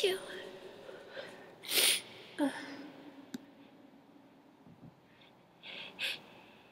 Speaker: chew, sneeze. Chew. I have to sneeze. Chew, sneeze.